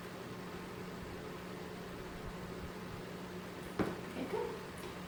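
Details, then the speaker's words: Normal active bowel sounds on abdominal auscultation, listening through the quadrants from right lower to left lower: steady stethoscope hiss with a few brief gurgles near the end, active but not hyperactive. "Typically there's 5 to 30 bowel sounds in 1 full minute. So we'll listen to those real quick."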